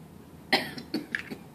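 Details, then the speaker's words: Acted bedside swallow screen: an adult gives a short run of about four coughs after later sips in the water trials, a failed swallow screen. "So, if your patient fails the water trials, you're going to stop right there. You hear the coughing. You don't need to go any further."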